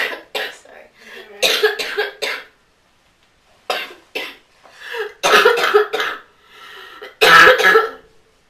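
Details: Smoker who then asks for an inhaler has a coughing fit of about a dozen harsh, irregular coughs in clusters, with brief pauses between bouts.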